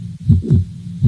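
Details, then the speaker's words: Paired low S1 and S2 heart sounds with a soft continuous sound filling systole, played without the click: a mitral regurgitation murmur. "what I'm going to do is first play the S1 and S2 with the murmur of Mr that's all you're going to hear for the first beats"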